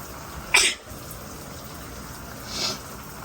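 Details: Allergic sneezing in the shower triggered by a strongly scented new body wash: one sharp sneeze over steady running water, then a softer second sound.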